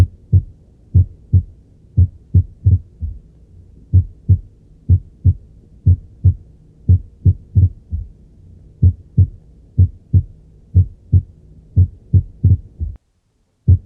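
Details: Heart auscultation of premature ventricular contractions (ventricular extrasystoles): low heart sounds with an irregular rhythm, early beats breaking the regular spacing, then a pause.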